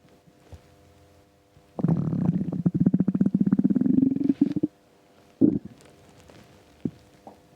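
A long gurgling, growling rumble lasting about three seconds, then a short gurgle: stomach rumbling from an empty stomach, a normal gut sound.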